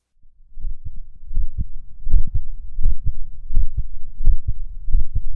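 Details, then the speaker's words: Dog heart sounds with a slightly split first heart sound (S1) from slightly asynchronous atrioventricular valve closure, considered a normal finding in the dog; split S1. "this dog has a split s1 sound due to slightly asynchronous closure of the atrioventricular valves I consider this to be a normal finding in the dog"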